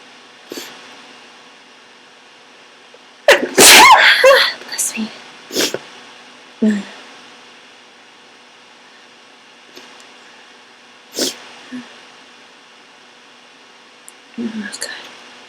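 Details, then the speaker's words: Sick person with a cold whose nose tickled all day: one loud, wet, goopy sneeze followed by short sniffs and brief snorting bursts in a quiet room. "I'm gonna sneeze. I'm sick. My nose has been tickling all day, so I'm trying to tease out some sneezes."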